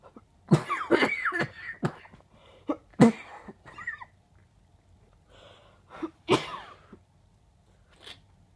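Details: An adult with a bad cold and chest pain on coughing gives several harsh, wet-sounding coughs in bursts: a productive cough with chest congestion.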